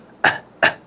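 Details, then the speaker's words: Two short, sharp coughs from an adult, each a sudden forceful burst of air fading quickly; an imitated demonstration of an ordinary cough. "when you cough you let air out of your lungs in a forceful way though usually people don't try to cough anyways coughing usually sounds like this"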